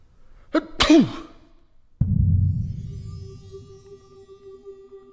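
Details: A single voiced sneeze, then a heavy thud and a lingering ringing tone from music or sound effects.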